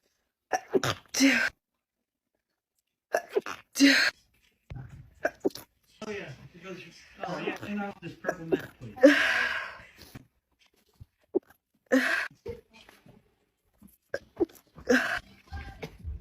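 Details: Female sneezer: several short, sharp sneezes, some with a breathy lead-in, separated by pauses, with brief voices between; sneezing.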